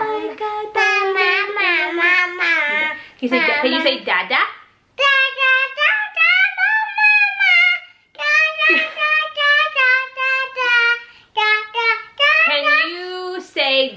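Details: Girl, nearly 3, recently diagnosed with childhood apraxia of speech by two speech therapists, without all her vowel sounds yet; wordless humming of a melody and attempts at 'dada' and 'bear'; childhood apraxia of speech.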